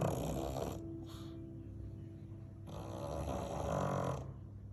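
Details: Pug napping: loud, rattling, snorting snores on each breath; pug snoring attributed to its smooshed snout.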